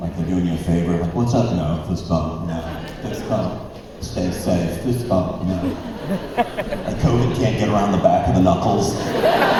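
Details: Man, a former Christian rock record producer, with incurable spasmodic dysphonia that began at the height of his career and progressively worsened until his voice was gone; vocal coaches and doctors did not help; disorder audible in his current voice: spasmodic dysphonia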